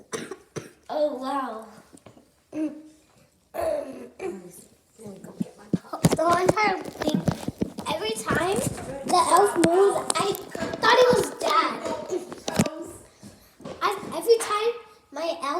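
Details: A child talking in a small room, with brief bursts of coughing breaking up the speech.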